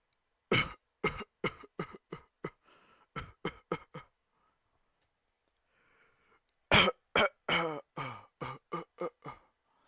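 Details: Raw coughing recording: two bursts of repeated harsh coughing, about seven to eight coughs each, separated by a quiet pause with faint breaths.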